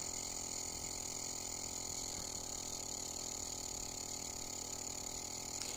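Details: Steady loud mechanical hum and hiss of a compressor nebulizer running normally again after its blocked nozzle was cleared and refitted, mist now visible.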